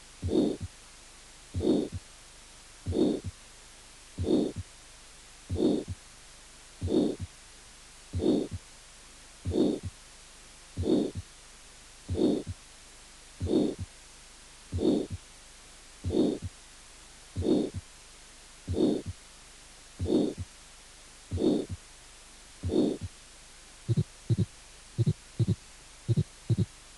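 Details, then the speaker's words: Aortic stenosis: long ejection systolic murmur, harsh crescendo-decrescendo filling systole, regular heartbeat. "y estenosis aórtica con soplo directivo largo histórico wood"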